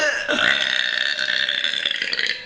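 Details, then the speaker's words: Girl in a burping contest after chugging a 2 L Dr Pepper: one long, voiced burp lasting about two seconds. "anyways have another one pink got so much better now here comes the burping"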